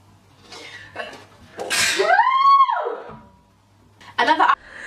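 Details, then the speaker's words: A compilation of people sneezing: a sharp inhaled buildup, then a loud explosive sneeze with a rising-falling voiced cry, then a second brief burst; ordinary sneezing. "doing a segment. I'm going to sneeze"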